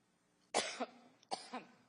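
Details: Adult woman coughing: two sharp, harsh coughs about three-quarters of a second apart, each with a brief rough tail; a short coughing bout.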